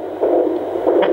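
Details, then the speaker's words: Home fetal Doppler (AngelSounds vs. Jumper) during pregnancy: two slow, muffled whooshing pulses, identified as the mother's own pulse, clearly slower than the fast fetal heartbeat. "ist dann nicht das herz das ist in meinen eigenen puls und zu vergleichen"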